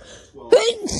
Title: sneezes girl TikTok